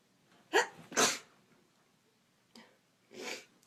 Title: Induced sneezing in bed